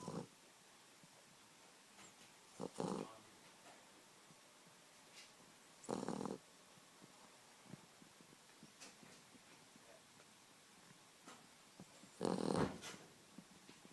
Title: Aria The Boxer Puppy Snoring